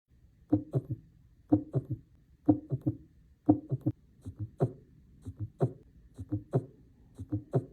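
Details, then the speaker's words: Heartbeat near 60 per minute with extra soft thuds around the main sounds, S3 in early diastole and S4 in late diastole: S3 and S4 gallop. "sometimes we may hear two more heart sounds S3 and S4 which are generally abnormal S3 is heard in early diast and S4 is heard in late diast"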